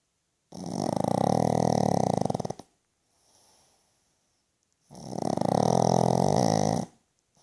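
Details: Pug snoring loudly: two long, harsh, vibrating inspiratory snores with a quiet exhale between, typical of a flat-faced dog.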